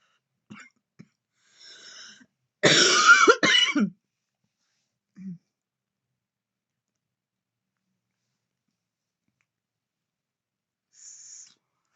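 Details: Adult woman vaping in bed, then a short harsh bout of two or three coughs after soft inhaling and exhaling puffs; real, natural cough after deep vape puffs.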